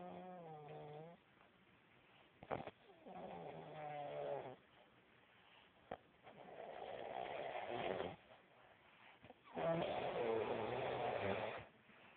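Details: Sleeping subject snoring: four long, noisy, rumbling breaths over about twelve seconds, some with a tonal, whistly edge.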